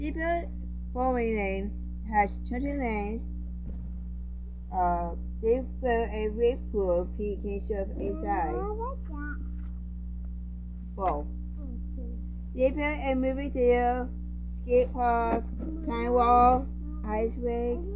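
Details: Speaker with a self-reported speech impediment reading a children's picture book aloud; speech sound disorder.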